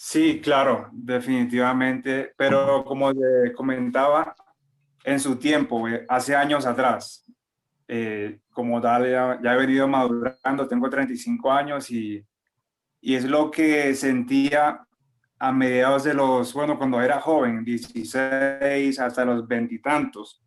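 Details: 35-year-old man with stuttering difficulties since youth, including complete blocks, in a stuttering support group; stuttering.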